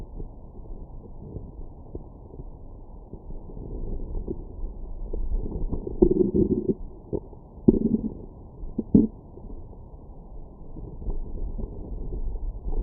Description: My #StomachGrowls after breakfast.